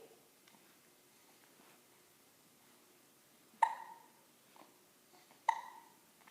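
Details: 1-month-old baby with hiccups while an adult talks to him: two sharp, abrupt hiccups about two seconds apart, faint room noise between.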